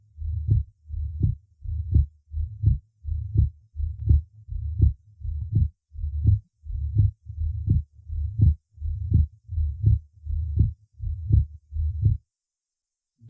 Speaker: прослушайте акцент и расщепление 2 тона на легочной артерии у другого больного с митральным пороком сердца